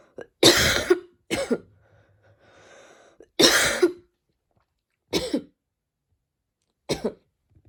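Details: Repeated harsh, dry-sounding coughs, about five bursts over eight seconds in a quiet room, while studying; recurring cough.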